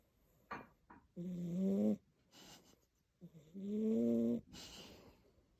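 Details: Loud, buzzing snores with short snuffling sounds between, two breath cycles in a few seconds, from a sleeping large cat; snoring.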